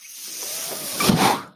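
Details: Real recording: the speaker's own mechanical ventilator heard as he talks, a soft airy hiss that builds, swells into a louder rush of air and fades as it delivers a breath. Mechanical ventilator breath.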